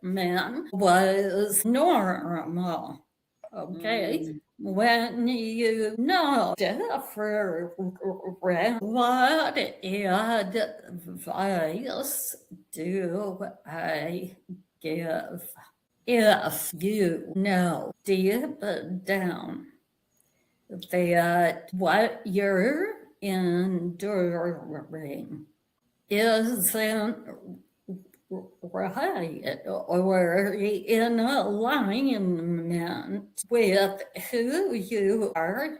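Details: Adult woman with vocal tremor, which she attributes to over five decades of narcissistic abuse and trauma beginning at age five and affecting her body and nervous system.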